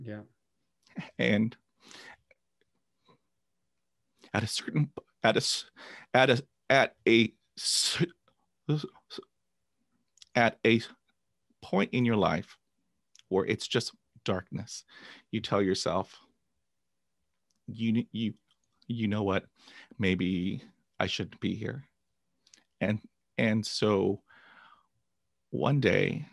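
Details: Adult man who began stuttering after a traumatic dog attack at age 5, with 20 years of speech therapy; stuttering.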